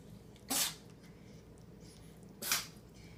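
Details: Dog sneezing fit: two sharp, hissing sneezes about two seconds apart against quiet room noise.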